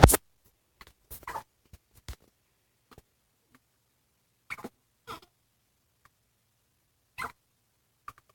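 Short, abrupt bursts, some in quick pairs, separated by quiet pauses; a run of hiccups.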